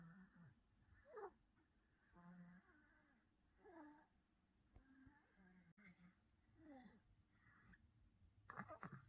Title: 아기 코고는 소리 snoring baby